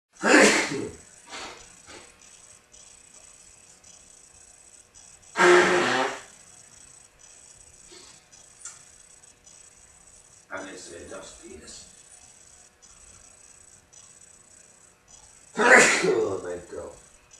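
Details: Sneezing fit while ill: three sharp sneezes several seconds apart, with smaller snorts between, over faint background music.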